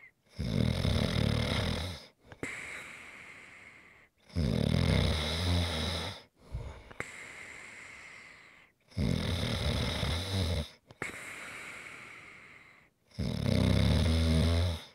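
Loud, rumbling snores with each breath in, followed by quieter breathing out, about 14 breaths a minute. Ordinary snoring from a sleeping adult.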